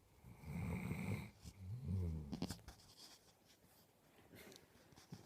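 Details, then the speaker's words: Two low, rumbling snores from a sleeping dog, described as a big snoring lump, then quieter breathing with faint room noise: snoring. "you are a big snoring lump you are a big snoring lump yes you are you"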